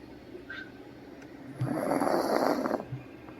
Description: My dog snoring so loud.